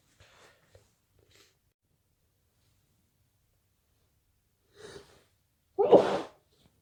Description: Had a sneezing fit this morning i don't know what caused this fit